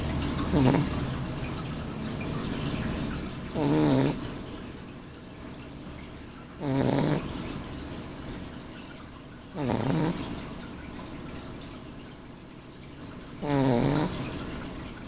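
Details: Snoring from a sleeping 7-week-old mini blue bear coat Shar Pei puppy: soft and rhythmic at about 19 breaths a minute, each breath with a brief rattling snort.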